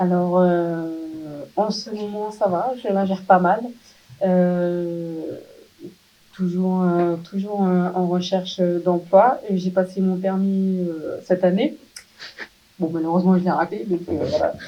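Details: 27-year-old woman, profoundly deaf from birth, hereditary (father also deaf); previously wore hearing aids, recently received a cochlear implant, now in speech therapy rehabilitation; French speech of a profoundly deaf adult.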